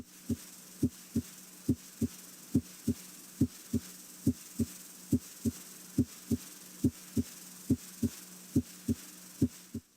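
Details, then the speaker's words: Regular paired lub-dub heart sounds at about 70 beats a minute, heard at the apex (mitral area), where S1 is louder than S2: normal heart sounds. "listen at the apex here at the mitral area s1 is usually louder than s2"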